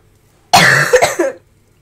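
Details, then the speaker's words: A feverish child who feels cold and says she coughs a lot all day gives one short, harsh cough with a couple of quick follow-on bursts. "Ik hoest best wel veel en heb het ook best wel koud. Ik heb koorts, dus. Dus als ik hoest, dan weten jullie waarom."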